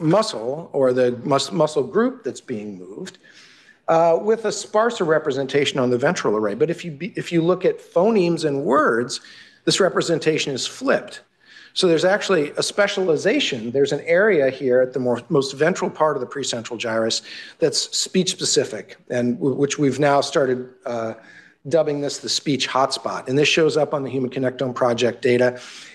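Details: Adult male lecturer; normal speech.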